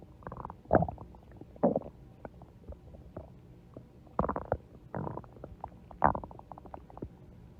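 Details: Stomach growling: several gurgling, bubbling rumbles in bursts with quiet gaps; ordinary borborygmi from gas and fluid moving through the gut.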